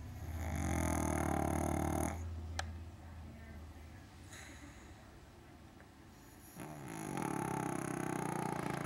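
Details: A pug snoring while asleep on the sofa.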